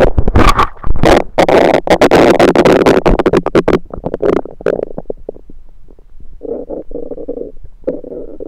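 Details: Abdomen recorded with a USB stethoscope: loud gurgling and rumbling with rapid bubbling pops, then softer gurgles; active bowel sounds (borborygmi), stomach rumbling.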